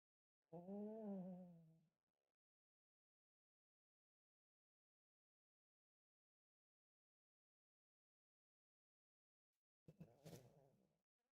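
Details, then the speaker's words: A sleeping pet dog snoring loudly, a drawn-out tonal groaning snore followed by a rough snorting breath. "my dog is snoring can you hear him"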